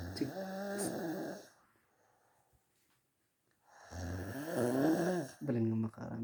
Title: Funny Loud Snore